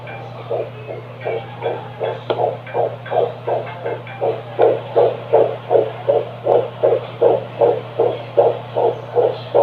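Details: Fetal heartbeat picked up by Doppler: rapid, regular whooshing pulses at about 155 beats a minute.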